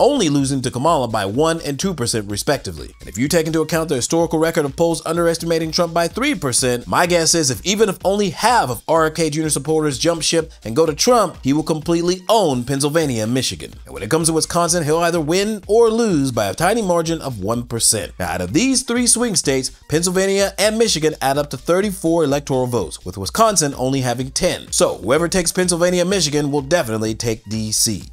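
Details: Adult male narrator; normal voice.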